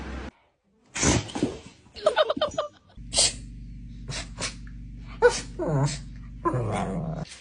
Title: Dog sneeze😭😭😭 #animalshorts #dogs #funny